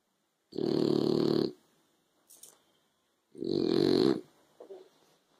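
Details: French Bulldog snoring while asleep in the afternoon sun: loud, rattling snores on every breath, about 20 breaths a minute, in a quiet room.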